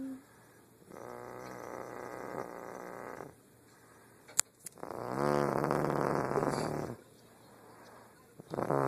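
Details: Snoring during sleep: two long, loud, rattling snores a few seconds apart, quiet pauses between, and the start of a third.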